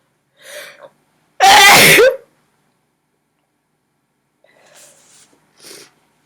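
One loud, explosive sneeze, preceded by a quick intake of breath and followed by softer breaths; an ordinary sneeze.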